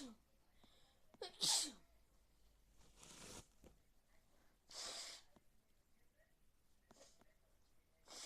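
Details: A loud sharp sneeze burst, followed by a few softer breathy sneezes or exhalations in a quiet room; sneezing.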